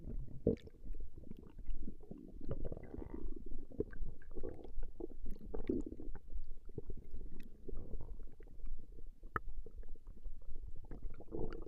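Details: Stomach growling recorded from a woman over a 20-minute session: continuous low gurgling and rumbling from the belly, rising and falling without steady rhythm; borborygmi.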